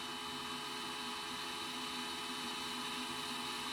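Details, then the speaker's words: Helmet-based non-invasive ventilator unit started at EPAP and IPAP of 5, before being set to CPAP 15: steady whirring hum of the blower running continuously, the normal operating sound. "to check if the unit is working properly you can just press start so here you hear a sound"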